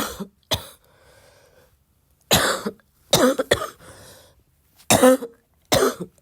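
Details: Repeated harsh coughs in short clusters with a loose rattling between bursts; a cough described as getting wet, meaning a wet productive cough.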